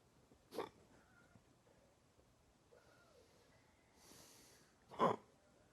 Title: hiccups 3